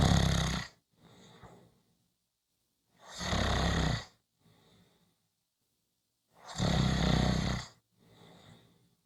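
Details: Three loud, harsh snores on the in-breath, about three seconds apart, each followed by a softer breath out.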